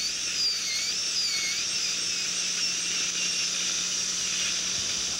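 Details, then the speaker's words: High-speed air turbine with round bur and water spray penetrating enamel at a Class I buccal pit on the lower right first molar (tooth 30), gold foil preparation: continuous high-pitched, slightly wavering whine. "We probably would need suction with this. And as we penetrate now through the enamel, realizing that the enamel has a greater thickness to it at this occlusal area."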